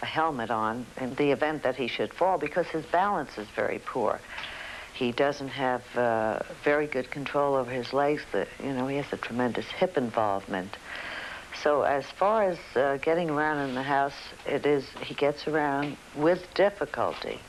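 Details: Adult woman speaking; normal speech.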